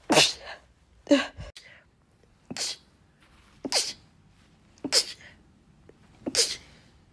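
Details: Six sharp sneezes in quick succession, each a burst of air preceded by a brief catch; repeated sneezing.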